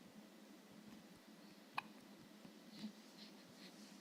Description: My son hiccupping...